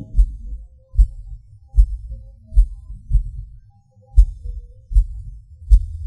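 Low heart thumps at about 76 a minute with uneven spacing: a long pause, then beats that come early; premature beats with skipped-beat pauses.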